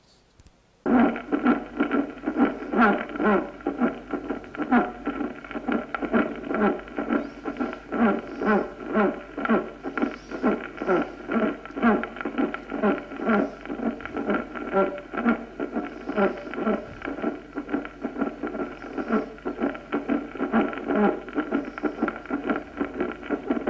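Steady heart rhythm with a harsh, noisy systolic murmur carrying a tonal, musical edge over constant background hiss; a musical aortic murmur.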